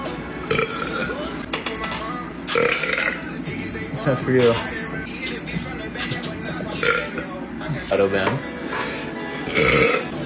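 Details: Shirtless man deliberately burping: several loud, drawn-out belches over background music; voluntary burping.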